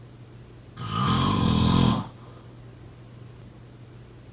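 One long, loud, rumbling snore on the in-breath, then a quiet pause and the start of the next snore.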